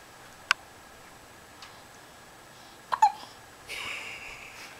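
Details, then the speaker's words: Infant girl with hiccups: brief, sharp, isolated hiccup sounds a few seconds apart with soft fussing and quiet room noise; hiccups. "Looks like she's smiling. Someone has hiccups."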